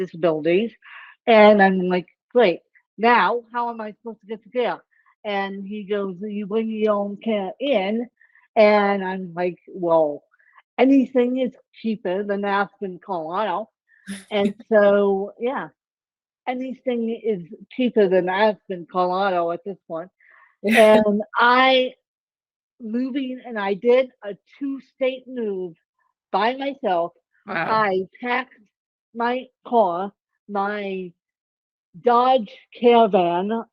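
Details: Ataxic dysarthria in an adult woman with ataxic cerebral palsy; the speech impairment type is not explicitly named.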